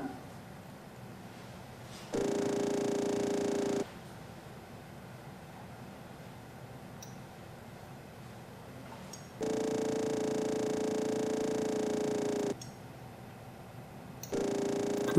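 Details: Simulated anterior vitrectomy on Eyesi virtual reality surgical simulator after posterior capsule break, continuous flow; steady droning hum switching on and off in bursts; vitrector cutting.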